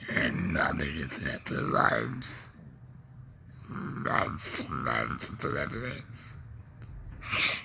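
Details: Adult man, laryngectomee neck breather with a stoma after cancer (tongue cancer tagged), with tongue pain, speaking in real connected speech; alaryngeal speech after laryngectomy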